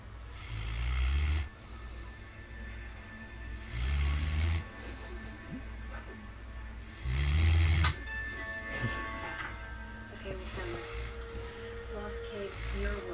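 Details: Big boy snoring: deep, low rumbling snores about every three seconds, with a television playing music and dialogue in the background.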